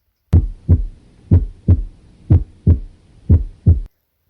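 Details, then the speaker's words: Teaching example of clean, regular lub-dub heart sounds at about 60 beats a minute; normal first and second heart sounds. "así es como se escucharía el primer y segundo ruido"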